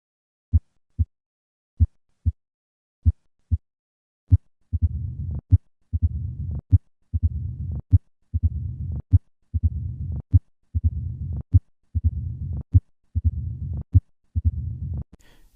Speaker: This diastolic rumbling murmur is typical for mitro stenosis. Notice the increased S1 and loud opening snap that accompany this murmur.